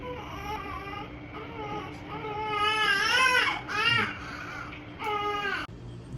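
Rhythmic, high-pitched newborn crying in repeated wails, with quiet room noise behind.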